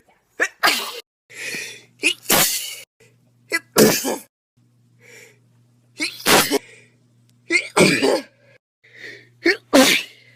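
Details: Person sneezing repeatedly for about a minute: run of about five forceful sneezes, each with a sharp in-breath before the burst, over ten seconds; repeated sneezing.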